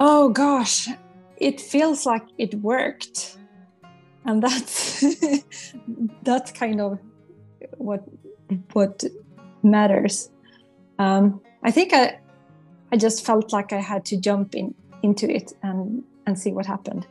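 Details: Adult woman who stutters, a former stuttering coaching program client, speaking in an interview with word repetitions; stuttering.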